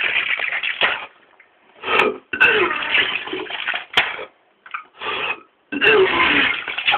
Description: me being sick